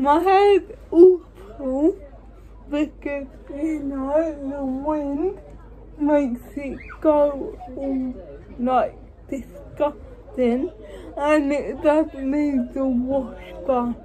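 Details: Dysarthria in a woman with cerebral palsy, speaking English.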